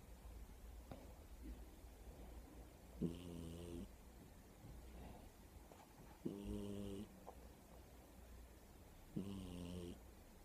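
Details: Sleeping cat snoring: three soft, buzzing snores on the inward breath, about every three seconds, over low room hum.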